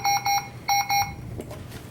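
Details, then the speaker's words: Puritan Bennett 560 home mechanical ventilator low pressure alarm with two pairs of high repeating beeps in a quiet room, from a simulated circuit disconnection or tracheostomy dislodgement. "so there you go that's your low pressure alarm properly alarming visibly and audibly when the client is simulating a disconnection or dislodgement of a trachea or trichostomy"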